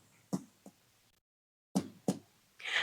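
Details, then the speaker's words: Abdominal percussion on an adult male patient across all four quadrants: several short, hollow taps giving a tympanic note, the normal finding over gas-filled bowel. "Suara normal yang dihasilkan adalah suara timpani."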